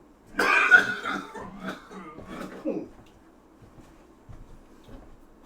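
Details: Irritant cough from a person with a self-described smoker's cough who accidentally breathed in pepper while cooking steak: a burst of harsh coughs and throat clearing fading into quieter hacks.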